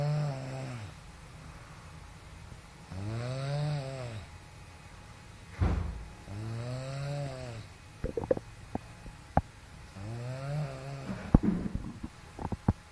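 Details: Rhythmic droning snores on each breath in, about four cycles, with a snort and small clicks between: ordinary snoring.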